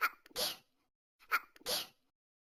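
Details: Two quick sneezes from the Talking Angela game character, each a short gasp then a sharp burst; simulated cartoon sneezing fit.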